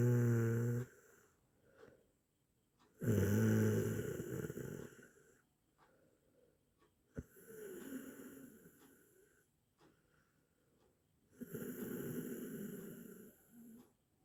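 Repeated low, fluttering snores on each in-breath, about 20 a minute, with quiet breathing out between them. Ordinary sleep snoring.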